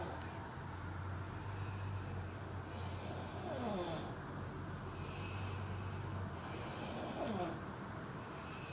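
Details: Boyfriend snoring in sleep: low, rattling, buzzing breaths recur about every four seconds with quieter exhales between.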